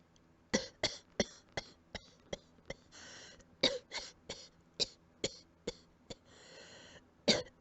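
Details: About fifteen short, soft dry coughs in quick runs, with brief hissing in-breaths between them, as if running out of breath; quiet coughing.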